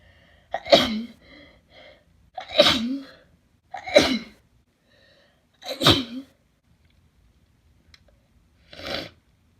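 Five forceful, wet-sounding sneezes in quick succession, each a sharp explosive burst; a sneezing fit.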